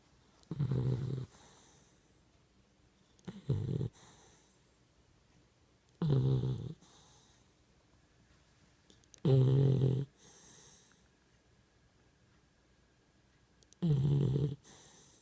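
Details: Pit bull puppy snoring: five loud, rough, vibrating snores about every three seconds, with quieter breaths out between them in a quiet room.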